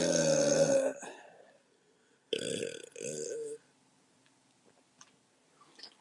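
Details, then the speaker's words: Two loud, rumbling burps, the second in two bursts, with quiet room noise between, after drinking beer from a six-pack; ordinary belching. "the beer wanted to come up uh"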